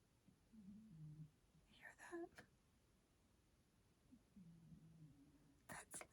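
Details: Someone snoring in the background: two soft, low, droning breath sounds about four seconds apart, with brief rustling between them.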